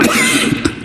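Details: Male politician coughing repeatedly while giving a speech at a parliamentary group meeting, interrupting his talk.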